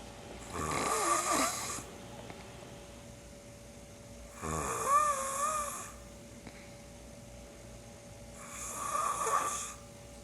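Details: Man snoring so loudly he wakes himself about 1.5 minutes in; the uploader thinks it is borderline sleep apnea. Three loud, rattling inhaled snores at about 15 breaths a minute with quiet gaps between.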